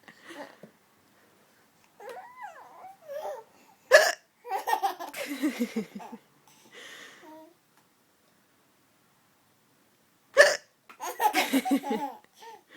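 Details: Adult woman (mother) hiccuping: two loud, sharp hiccups about six seconds apart, each followed by her baby's giggling laughter.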